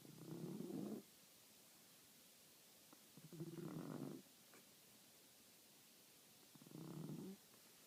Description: Obi the blind french bulldog snoring